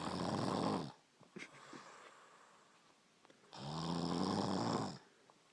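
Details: Brother snoring while asleep: two long, loud, rattling inspiratory snores separated by quiet expiration; snoring.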